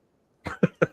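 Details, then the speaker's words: A dog gives three quick, sharp nasal bursts in a rapid run in the background of a home broadcast; a short sneezing fit. "Did y'all hear my dog snow sneeze there? Did you hear that?"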